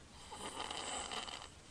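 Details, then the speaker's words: Child no more than 2 years old with obstructive sleep apnea, filmed asleep by his nurse mother: he snores while breathing through his mouth, not his nose, and is not congested. "you can hear him snoring he's breathing through his mouth not through his nose and he's not congested"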